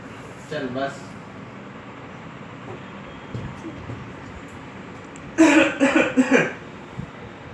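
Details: 8-month-old baby boy imitating his dad's cough: short, voiced, playful cough-like bursts.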